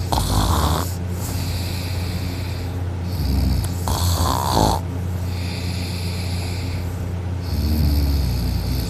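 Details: A very heavy sleeper snoring loudly while their sister holds their nose, still snoring: loud, rough, low-pitched steady rumbling snores with a few heavier snorting surges.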